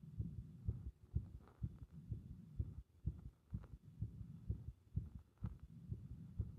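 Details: Compressed heart sounds with arrhythmia: muffled low heartbeats near 125 a minute with uneven spacing and some pauses; irregular rhythm.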